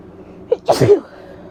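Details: One sneeze from an adult female with bronchitis: a short catching in-breath, then a forceful, noisy burst.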